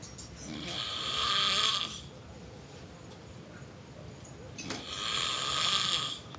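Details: A man snoring during sleep: snoring.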